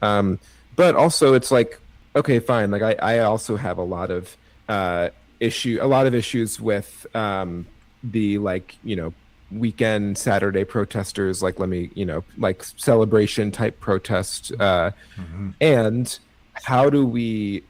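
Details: Stuttering with part-word and word repetitions in an adult man with cerebral palsy, who thinks his stutter is related to his CP.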